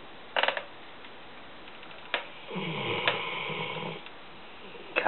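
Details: A sleeping female Rottweiler gives one long, rough, rumbling breath with a few snorts and clicks around it: dog snoring.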